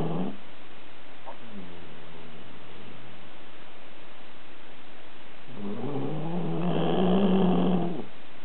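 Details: Sleeping subject, worn out from walks the day before, snoring: two low rumbling breath sounds, the second longer and louder, over steady background hiss.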